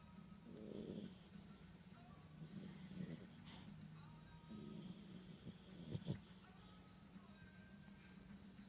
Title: Nismo Snoring